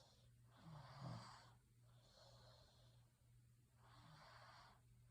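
Soft, low rattling snores with steady background hum, three breath noises in five seconds; quiet snoring during sleep.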